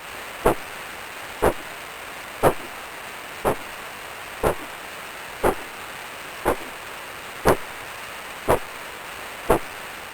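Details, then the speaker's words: Single soft whooshing pulses about 59 a minute over hiss, handheld 8 MHz Doppler on a foot artery: monophasic arterial signal, possibly from markedly reduced flow due to atherosclerosis or arterial calcification; significant peripheral arterial disease red flag. "Nous avons donc entendu qu'un seul son soit une onde monophasique. Ceci peut être causé par un flot vasculaire nettement diminué en raison de latérosclérose ou encore peut-être associé à une calcification des artères."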